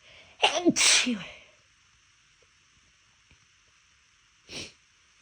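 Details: Deliberately held-back sneezes in a quiet room: two quick stifled sneezes close together, then a faint breathy burst a few seconds later; the attempt to hold them back failed.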